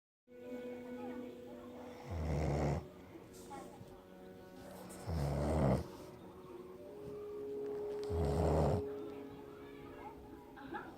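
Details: Three loud, low rattling snores, about 20 a minute, from a sleeping person, over a steady background hum with faint music: snoring.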